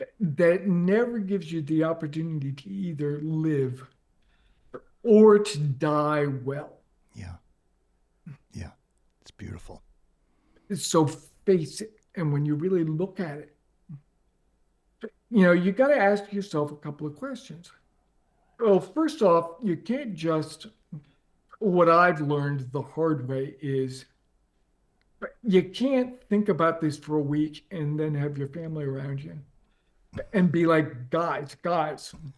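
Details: Adult man with ALS diagnosed four and a half years ago, advanced and nearing end stage: onset right calf, spreading through legs, core, arms and hands, now neck deep with difficulty speaking and breathing; speaks using a ventilator; dysarthria with short breath groups.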